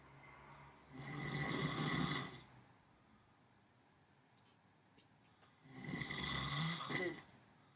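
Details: Sleeping in during a morning nap: two long, rough, rattling breath sounds separated by a quiet pause; snoring during sleep.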